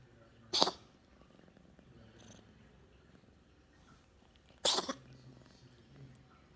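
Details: Cat purring then sneezing: two sharp sneezes about four seconds apart with faint quiet sounds between.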